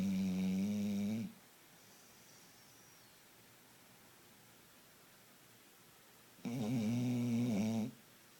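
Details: A sleeping female dog snores like an old man: two long, loud, buzzing snores separated by a quiet pause of several seconds.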